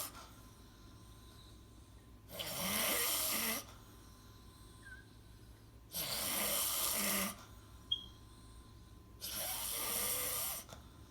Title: Me Snoring in my sleep 😂